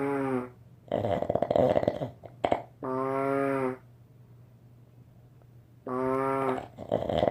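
Repeated low rumbling, vibrating breath sounds with pauses between them, typical of snoring.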